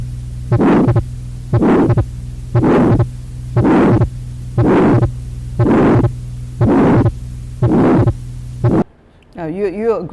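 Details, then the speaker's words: Lecture auscultation example, replayed: regular heartbeat near 59 a minute with a harsh murmur rising and falling each beat over mains hum, a diamond-shaped systolic ejection murmur of aortic or pulmonary stenosis. "agree it's a diamond-shaped systolic ejection murmur, which is different from what you're going to hear on the next murmur."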